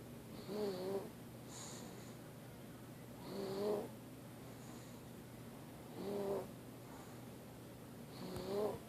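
Soft, irregular snoring breaths with voiced moaning sounds on several of them, roughly 23 per minute, during sleep.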